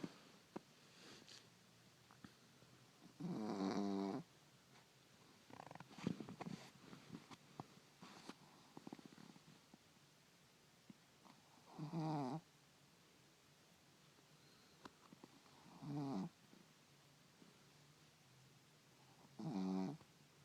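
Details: Pet snoring: soft, buzzing snores returning about four times with quiet breathing between, faint room noise; a small animal snoring in sleep.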